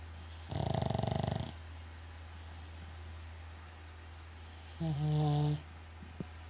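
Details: Two snoring breaths over a steady low hum, a fluttering, buzzing one then a higher whistling one; snoring.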